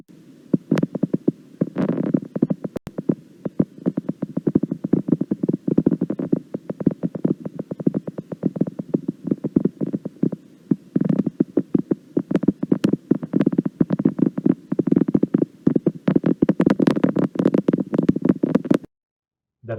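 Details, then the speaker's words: Needle EMG fasciculation potentials: irregular, isolated pops over a steady hiss from the EMG speaker; spontaneous, single motor unit discharges not under voluntary control, unlike the rhythmic firing of normal motor unit potentials. "a main difference with motor unit potentials is that they are not under voluntary control so they appear spontaneously and singularly in contrast to the rhythmic firing rate of normal motor unit Potentials"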